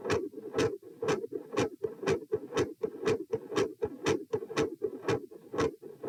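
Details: Heart sounds recorded at position p during a sitting-to-standing manoeuvre: fast and regular, with a consistently loud S2, an S1 varying in loudness and a soft whooshing murmur that comes and goes.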